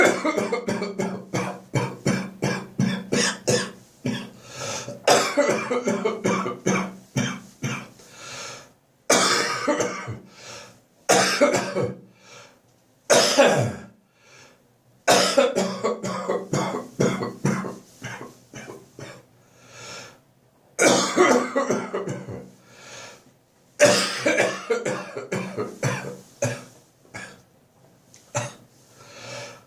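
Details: Adult with bronchitis that developed from a cold cough, now improving, with ribs, belly and back painful: repeated chesty coughing fits in quick bursts with brief pauses.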